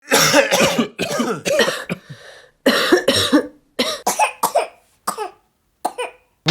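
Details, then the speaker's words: Acted bouts of repeated throaty coughing from a child in short clustered bursts, during flu season, with siblings passing a cold back and forth; cough. "流感爆发期，你家常听到这种声音吗？咳嗽没关系，但是重点是家里有小孩怎么办？"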